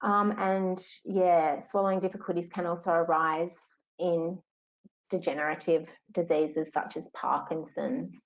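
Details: Adult woman speaking; normal speech.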